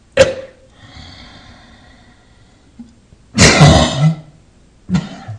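Three separate coughs from an adult in a quiet room: a sharp brief burst, a longer harsh cough, then a short final one.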